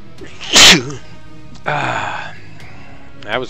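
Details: Sneeze.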